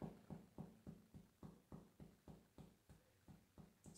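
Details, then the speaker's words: About a dozen hollow, low-pitched taps from indirect finger percussion in an intercostal space of the chest; a resonant note, the normal sound over air-filled lung, in contrast to the duller sound over the sternum. "So this is that resonance, and then if I would put it over the sternum, it sounds much more dull because now I'm over the bone again like I was on the ribs, and that is the two different sounds that we expect to hear."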